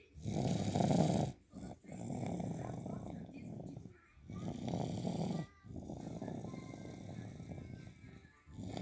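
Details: Big, heavy, coarse, low snores filling most of each breath with brief pauses between, about fourteen breaths a minute; loud snoring.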